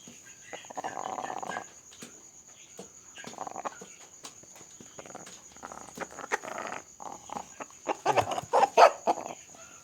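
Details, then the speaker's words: Chicken with snoring breathing (ngorok) being treated with boiled betel leaf and chili; causes suggested include cold, CRD, AI, cholera. Repeated raspy, rattling snore-like sounds; respiratory rales. "Nah ini kedengaran ya ngoroknya."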